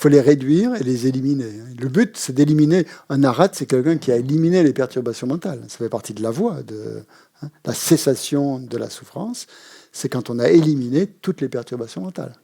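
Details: Adult man speaking French; normal speech.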